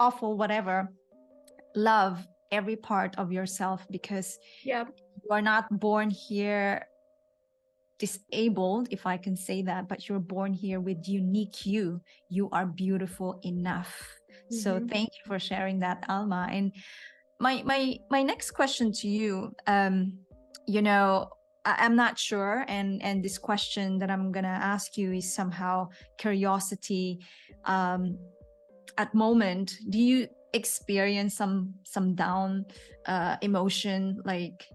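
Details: Adult women in conversation; typical speech.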